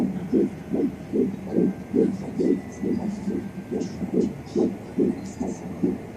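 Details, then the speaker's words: Fetal heartbeat at 13 weeks of pregnancy on a home fetal Doppler: rapid, regular whooshing beats at about 145–147 a minute; the mother's heartbeat is also audible. "Yay, I found the baby's heartbeat. There it is. Do you hear mine and the baby's heartbeat? Yay! Baby's heartbeat right now is 147."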